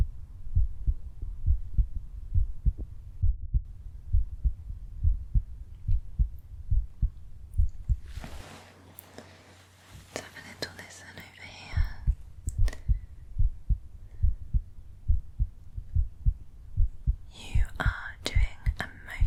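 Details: Real heartbeat heard through a stethoscope in an ASMR home cardiology-exam roleplay, patient taking long, slow, deep breaths: normal heart sounds.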